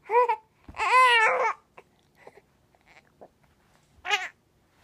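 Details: Infant with repeated hiccups making brief fussy cries and babble with quiet pauses between; ordinary infant crying.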